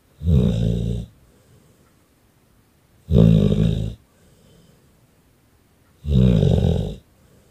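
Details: Staffordshire bull terrier dog snoring: loud, deep rattling snores on each breath in, about 20 a minute, with quiet gaps between.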